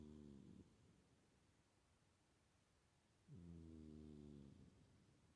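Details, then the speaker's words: A sleeping cat snoring: two low, buzzing breaths about three seconds apart with a quiet pause between them. "Kinda got Rocky snoring. He's quite the snoring cat. He's sleeping away there, having a good snore."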